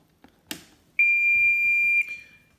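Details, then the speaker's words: A switch click, then one steady high beep lasting about a second as a Surtron LED diathermy electrosurgical unit is turned on and passes its circuit self-test; power-on beep. "time you turn it on it has a sound beat which is it you know the switches on it does a circuit test and comes up past"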